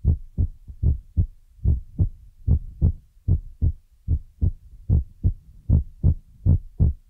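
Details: ASMR ear-massage recording with feather rod and brush sounds; steady paired low thumps about 75 beats a minute: heartbeat.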